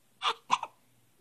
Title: Hiccups